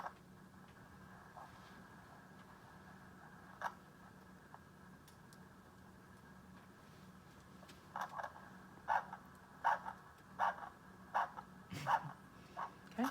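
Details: Handheld Doppler probe on the foot in a training demonstration: quiet hiss while gently searching, then regular pulsing whooshes at about 80 a minute; a good, normal foot arterial pulse.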